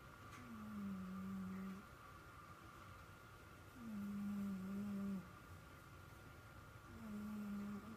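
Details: A sleeping pet cat gives three long, buzzing tonal snores about every three seconds, roughly 18 a minute, over steady room hum: snoring.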